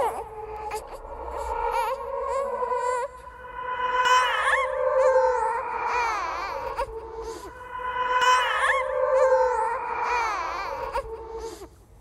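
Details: Horror sound-effect recording of a ghost baby crying: repeated high, wailing bursts with rising and falling pitch, separated by brief breaths; infant cry.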